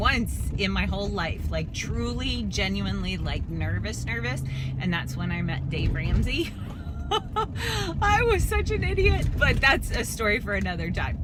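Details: Adult woman, age 44, with spasmodic dysphonia, a dystonia of the vocal cords, alongside spasmodic torticollis; she declines vocal cord injections and says her voice turns shaky or choppy when forcing words out; recorded while driving; spasmodic dysphonia.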